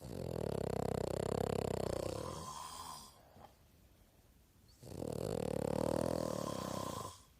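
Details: Snoring in a sleeping person, from a snoring contest: two long, loud rattling snores about five seconds apart with a quiet exhale between, in a slow breathing rhythm.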